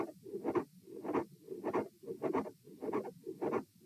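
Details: Auscultation stress test at position A, repeated for consistency across lying, sitting, standing and lying again: regular heart sounds about 100 bpm with an extra sound between beats, a mid-systolic click with fixed split S2.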